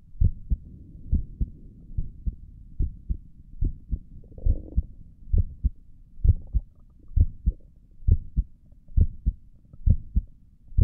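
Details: Own chest heartbeat via stethoscope for ASMR, stomach gurgles occurring in the recording: steady paired lub-dub beats about 66 a minute, no added sounds between; normal heart sounds.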